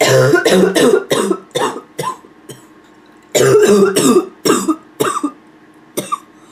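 Two bursts of harsh, hoarse, barking coughs, about twelve coughs in all, separated by a quiet pause; a barking cough.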